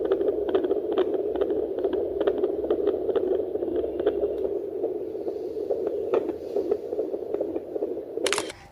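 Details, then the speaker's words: Fetal Doppler with its probe on the mother's belly: rapid, fairly regular whooshing fetal heartbeat at about 140 a minute, a normal fetal heart rate for a healthy baby (normal range 120–160). "Healthy baby का normal foetal heart rate 120 से 160 beat पर minute तक होता है। जो कि mother के heart rate से ऑलमोस्ट डबल होता है।"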